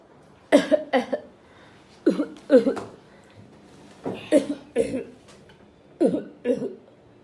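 Four clusters of two to three sharp, forceful coughs in a quiet room, acted rather than a genuine illness; a staged cough.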